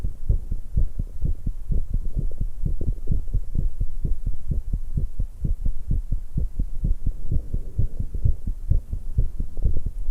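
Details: Fast, pounding low thumps, roughly 128 a minute, from a 19-year-old woman after exercise, with drinking and stomach noises mentioned: normal exercise-related quickening of the heart.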